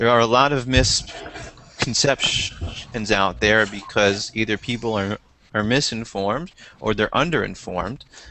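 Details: Stuttering in a man from India who stutters, who describes his stuttering as repeated sounds and syllables and speech that gets locked.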